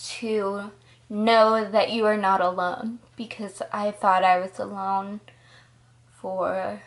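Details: 20-year-old woman diagnosed at 19 with Friedreich's ataxia, a progressive neurological disorder affecting her balance, coordination, speech, heart and muscles; ataxic dysarthria (Friedreich's ataxia).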